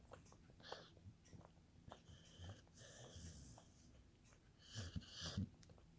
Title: Chip snoring 2019